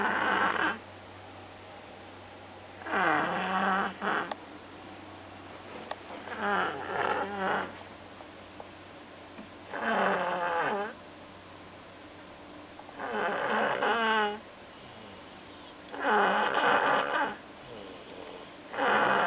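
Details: Sleeping baby snoring: repeated rattling snores on the in-breaths, about 20 a minute; plain snoring.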